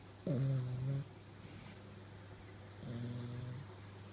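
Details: Snoring from a sleeping bulldog puppy: two low, droning snores with a whistling edge, separated by quiet breathing.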